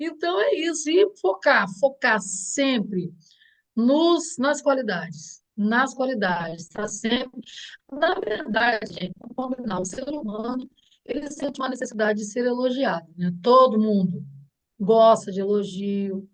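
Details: Adult woman speaking Portuguese; normal speech.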